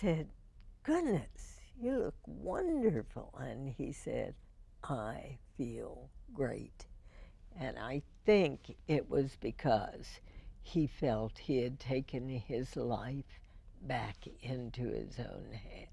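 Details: Real speech from a woman with spasmodic dysphonia, first diagnosed in 1998 and treated every four months with botulinum toxin injections into the vocal cords; finding: spasmodic dysphonia.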